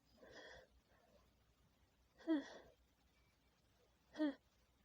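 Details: Three breathy, voiced sneezes about two seconds apart from a female sneezing at night with a tickling nose; poor audio quality, stitched from multiple recordings.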